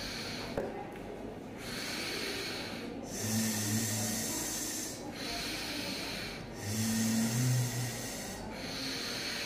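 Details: Breathy voice from unilateral vocal cord palsy, recorded during voice tasks before speech therapy.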